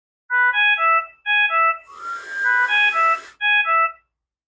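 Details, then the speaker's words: Ventilator circuit disconnect alarm, sounding when the patient is not connected to the ventilator or there is a large leak: repeating three-note electronic alarm tone with a hissing air burst midway. "will encounter this alarm when the patient is not connected to the ventilator or there is a large leak present."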